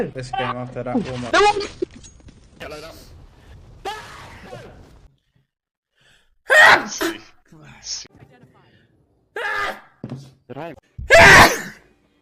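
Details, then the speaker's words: Adult male, saying he needs to sneeze but can't: talk, then sharp indrawn gasps leading into a loud sneeze; pre-sneeze gasping. "sorry you feel like you've got to sneeze but you can't sneeze but you really feel like you need to sneeze I need to sneeze oh I need to sneeze"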